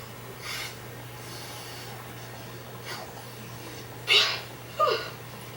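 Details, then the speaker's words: Strained, hissing, effortful breaths imitating wheezing through narrowed airways, voiced by a lion puppet in a 1996 children's asthma education VHS describing asthma trouble and chest tightness; imitated labored asthmatic breathing (wheezing), not a real patient. "Sometimes I make a funny sound like this. Hey, I make a sound like that too. Well, that sound is called wheezing."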